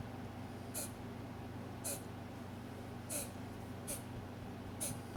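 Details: Capella, an animal whose species is not stated, coughing as the owner asks whether to worry: five brief, airy, hissing bursts about a second apart over a steady low hum.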